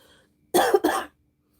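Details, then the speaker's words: Adult woman with acute bronchitis: two quick, harsh cough bursts back to back. "So, I'm going to hope I'm not going to cough the whole time. I'm sorry."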